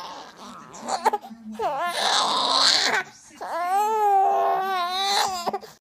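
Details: 5-month-old baby boy during tummy time: fussing builds into loud, drawn-out wailing cries with breaths between them, an infant crying in protest.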